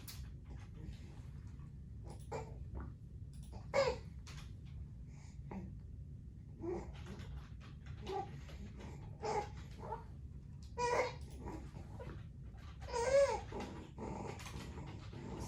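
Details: Inspiratory stridor in an infant with laryngomalacia, diagnosed on scope, heard while feeding: intermittent squeaky, high-pitched breath noises with pauses as he stops himself to breathe; noisy feeder.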